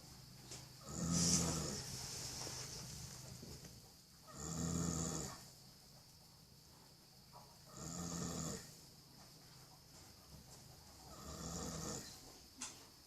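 Regular loud rumbling snores with quiet pauses between them, about 17 a minute, from a sleeping young horse.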